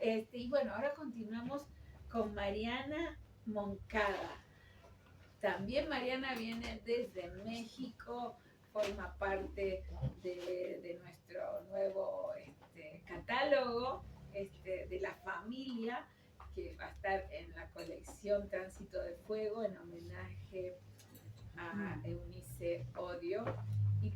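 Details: Adult woman speaking Spanish; normal voice.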